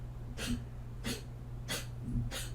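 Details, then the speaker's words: Chronic cough in a roughly 15-year-old female dog, going on for a while, that the owner likens to a smoker's cough; she otherwise acts normal. Four short, dry, hacking coughs in quick succession. "You hear that? She got like the smoker's cough or something."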